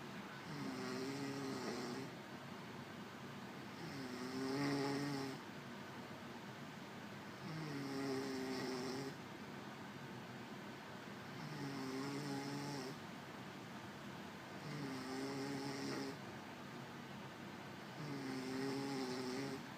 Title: MY GIRL SNORES LIKE A TRUCK DRIVER .